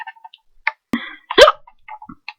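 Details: Girl who says she has chronic hiccups, now with real, uncontrollable hiccups: a single sharp, abrupt vocal catch with a short voiced burst among quiet clicks; hiccup.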